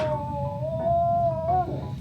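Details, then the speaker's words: Simulated: a nursing training manikin plays a programmed sound of a patient moaning in pain, a steady, drawn-out electronic moan with faint room hum. "She can cough. She can moan as though she's in pain."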